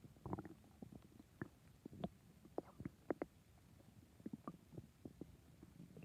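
Soft irregular gurgles and low rumbles over several seconds; stomach growling.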